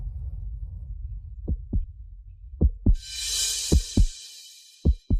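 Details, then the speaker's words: Paired low thumps in a slow regular rhythm with a music swell: a heartbeat sound effect used as a fetal heartbeat during a pregnancy check in a fictional drama. "Jangan khawatir ini adalah suara detak jantung janin. Dia sangat sehat."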